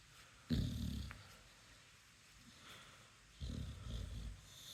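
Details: American/Indian bully dog snoring, with massage mentioned: two deep, low, rumbling breath sounds with a rough, growl-like rattle; snoring in a dog.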